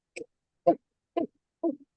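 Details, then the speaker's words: Adult imitation of a brassy cough, described as tracheal in origin, in a paediatric cough teaching session: four short, hard, brassy cough bursts. "brassy cough we call is tral thing"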